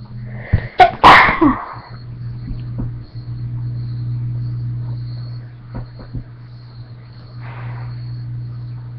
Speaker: So anyways, just sneezing my guts out. So I thought I would make a little video.